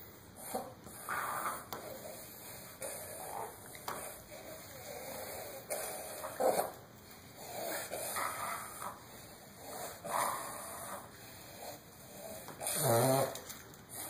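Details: A dog with a terrible cough and difficulty catching her breath gives harsh, irregular coughing bursts between noisy, hissing breaths: a cough with labored breathing.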